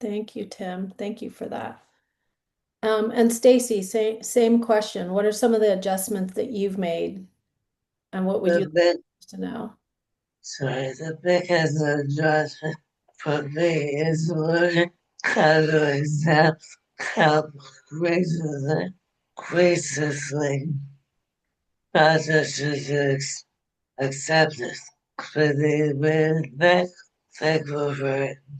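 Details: Adult woman with ALS diagnosed in 2021, onset with hand weakness and swallowing difficulty; now ventilator-dependent for breathing, which she says makes speaking difficult; dysarthria.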